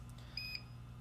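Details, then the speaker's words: Prius Salute RDX pressure-relief mattress system pump: brief high electronic beep over low room hum when power to the unit is cut, including improper shutdown from the rocker switch; pressure-relief mattress pump power failure alarm. "anytime that power is cut to the unit including if you turn it off improperly which is just turn it off from the uh from the switch instead of from the control panel itself that power failure alarm will go off"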